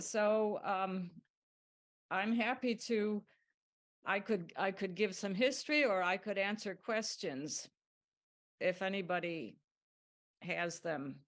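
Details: Adult woman speaking; normal speech.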